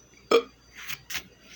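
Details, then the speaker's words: Burping at 2:20 am after drinking a glass of 7 Up for a burping challenge: one loud, short burp followed by two softer, breathy bursts. "I'll be burping all night it's 2:20 in the morning as I'm filming this"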